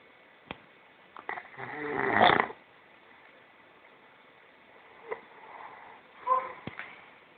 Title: horlama (snore)